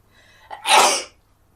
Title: sneezing 2(Sample)